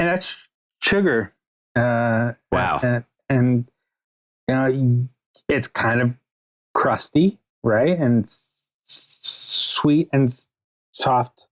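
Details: Stuttering in an adult male writer and podcast guest; the host notes his real, ongoing stutter may be heard throughout the interview.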